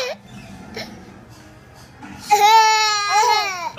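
Quiet room noise, then a loud, sustained high-pitched cry lasting about a second and a half.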